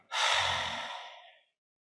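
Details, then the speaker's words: Forced complete exhalation during an autogenic drainage demonstration for clearing phlegm: after quiet breathing, one long breathy breath-out emptying the expiratory reserve volume, residual volume remaining. "okay now we'll try again so we breathe quietly now let go all the air"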